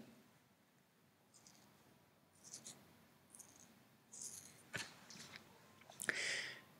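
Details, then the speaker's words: Soft, fine crackling bursts made by rolling hair between the fingers, imitating the crackles (rales) heard in pneumonia in babies. "y estertores es por ejemplo cuando yo agarro mi cabello y le doy vueltas ese sonido que genera van a ser los estertores"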